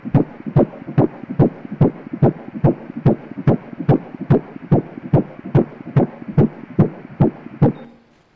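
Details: Fast, regular whooshing fetal heartbeat on Doppler at about 143 beats a minute, a normal fetal heart rate at 13 weeks of gestation during an obstetric 3D ultrasound.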